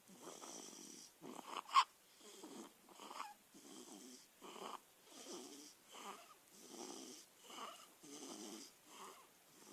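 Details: Light snoring: soft, rattling breaths repeating steadily at about 50 a minute, with a louder snort early on.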